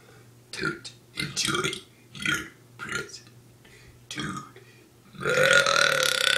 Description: My bro finishing his happy bday burp song